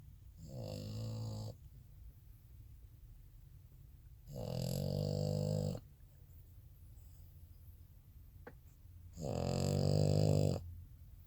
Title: Frenchie Snores